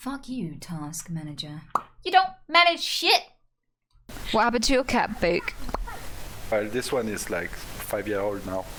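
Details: Female streamer with Tourette syndrome producing involuntary vocal tics with coprolalia, blurting swear words and offensive phrases amid ordinary speech; she says she cannot help swearing in public.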